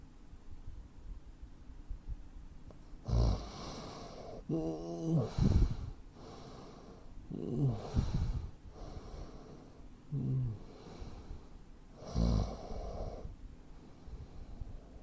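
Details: Man aged 43, 85 kg, 165 cm, real-life snoring with breathing pauses typical of sleep apnea: irregular loud snorting snores separated by quiet gaps of a few seconds.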